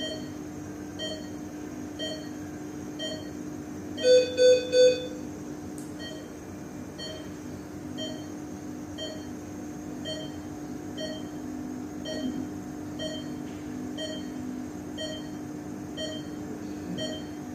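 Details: Steady ICU patient monitor beeps about once a second, broken by a short burst of three higher alarm tones over constant room hum, from a sound-effect recording: patient monitor beeping with alarm.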